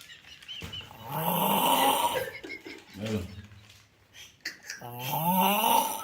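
Loud, rough snorting snores with fluttering throat noise and gurgling between breaths; heavy snoring.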